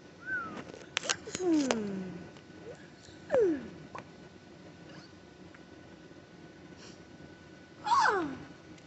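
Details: Vocal tics during a tic attack in an adult parent, after a stressful day and while being treated for a bad ear infection with antibiotics, steroids and Tylenol, having stopped Benadryl: sudden squeaks, sliding high-pitched sounds and sharp clicks amid quiet gaps.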